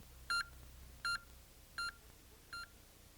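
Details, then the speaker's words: LIFEPAK 10 defibrillator/monitor QRS beep tones, from an in-service demonstration of about 1993 in which QRS volume is adjusted by button: short electronic beeps, one per heartbeat, about 80 a minute, each slightly quieter than the last. "The QRS volume control powers up at minimum volume. Push the right side of the button to increase the QRS volume and push the left side to decrease it."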